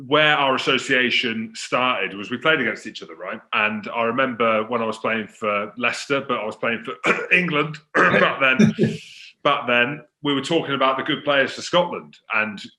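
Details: Adult male speaker; no speech disorder.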